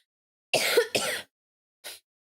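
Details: Adult streamer whose voice is still breaking and cracking, before taking a lozenge: two quick throat-clearing coughs followed by a brief faint expiratory puff, in a quiet room; cough/throat clearing.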